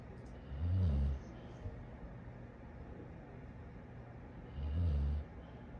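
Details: Sleeping dog snoring: two low, rumbling snores about four seconds apart over steady background noise.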